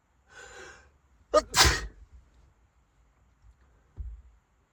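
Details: A sneeze in a car during a sneezing fit while driving: a sharp inhaled gasp, then one loud explosive sneeze, then quiet with faint car rumble.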